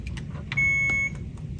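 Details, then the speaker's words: Alaris IV infusion pump in a simulated nursing training demonstration alarming with a steady high electronic beep for air in the line, over soft room noise. "this is giving me an error that there is air in line to fix that you can open it"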